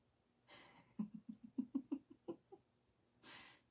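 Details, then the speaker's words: Dog snoring in a small room: quiet, airy breaths with runs of low, rhythmic snorting pulses between them; owner remarks she's snoring loudly tonight. "Can you hear Zea snoring? She's loud tonight."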